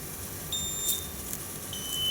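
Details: Universal ventilator with adult, pediatric and neonatal modes, touch-screen unit, during a demonstration alarm check: short high-pitched electronic beeps over steady room hum; ventilator alarm beep.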